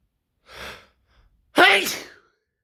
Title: More sneezing and build ups (M)